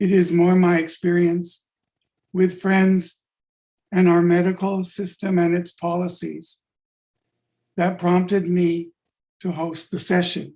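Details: Adult man with late-onset stuttering following a functional neurological disorder (FND) diagnosis; five years ago he woke unable to speak, with up to 20 seizures daily; speech returned but not fluency; adult-onset stuttering.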